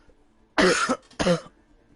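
Two harsh, voiced cough bursts with a hoarse, barking quality, fitting a barking cough.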